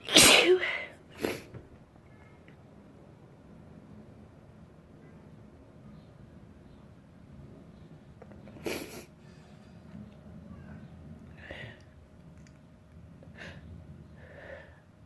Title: Sneezing / 2